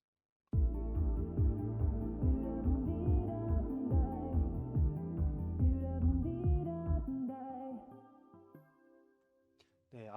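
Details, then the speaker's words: Simulated hearing after 15 to 19 years of continuous 100 dB noise exposure: muffled, dull music with the treble cut away, demonstrating noise-induced hearing loss. "아까보다 확실히 청력 손상이 이제 점점점 더 느껴지시죠?"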